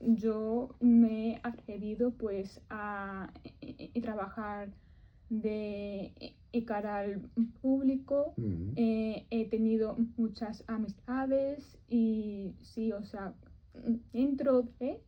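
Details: Adult woman who stutters (disfemia), speaking live in a Spanish radio interview after breathing practice and tapping beforehand; stuttering.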